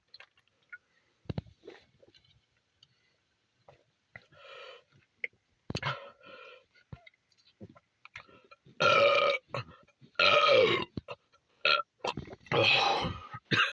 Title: massive burps chugging monster in the red car at 3am after smoking my last cigarette